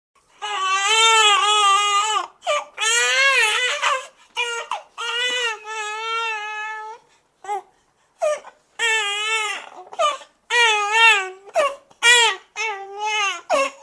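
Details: Newborn crying in long, high, wavering wails with brief gasps between them; a vigorous, ordinary newborn cry from a sound-effect collection.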